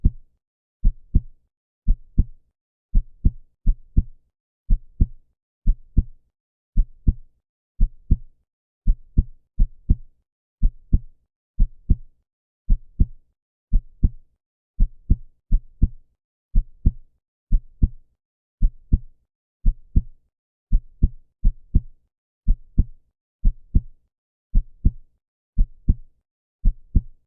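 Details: Heart sounds: steady low lub-dub heartbeats repeating throughout, each beat a pair of deep thumps; best heard with headphones.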